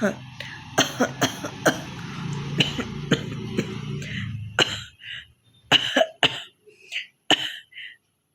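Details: Adult woman performing exaggerated harsh forced coughs and throat-clearing for a "hoking" cough challenge video, acted rather than from genuine illness, though she mentions having a bit of a cough.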